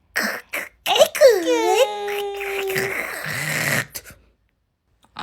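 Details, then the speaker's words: A few short, dry coughs followed by a drawn-out, voiced throat clearing in a quiet room; the speaker remarks that a bit of a cough came out. "어우 진 아우 기침이 조금 나왔네."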